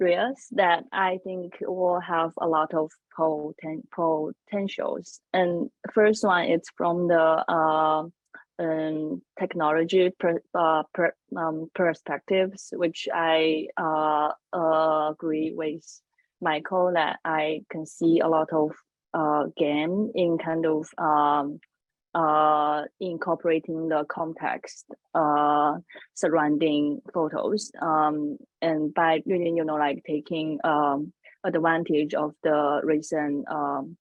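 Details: Adult woman panelist who says she has a stutter, speaking English: stuttering.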